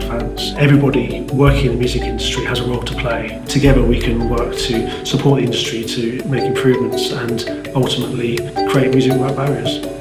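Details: Adult speaker with background music; ordinary speech.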